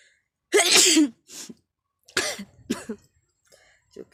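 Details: A forceful sneeze, then a second explosive burst and sniffling, deliberately set off by tickling the nose with a grass flower, with eyes and nose watering; induced sneezing.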